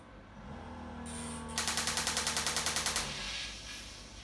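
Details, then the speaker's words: Acoustic shockwave therapy machine demonstrated before treating a man's knee osteoarthritis: loud rapid tapping bursts, about three per second, like a small jackhammer, over a machine hum. "it sounds like a little jackhammer so as I said acoustic shock waves"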